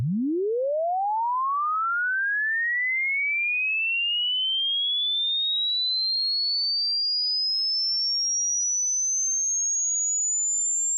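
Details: Hearing test tone sweep: pure tone rising smoothly from low to very high pitch, meant to be heard on headphones; the point where it fades out marks the listener's upper hearing limit.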